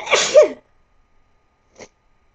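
A single loud sneeze with a sharp intake and explosive burst, then near silence apart from a faint brief noise.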